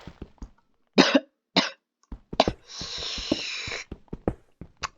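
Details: Several sharp, harsh adult coughs very close to the microphone, with hiss and faint clicks between them, recorded while playing a video game: cough.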